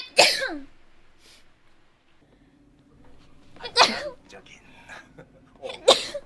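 Three sharp, high-pitched sneezes with quiet gaps between, some light voice sounds around them.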